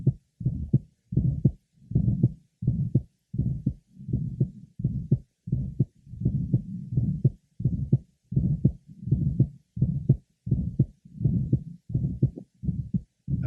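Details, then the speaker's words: Six-year-old boy with significant aortic stenosis, auscultated at the aortic area, pulmonic area, left sternal border and apex. Aortic stenosis murmur. "now a six-year-old boy also having significant aoic nosis herotic area"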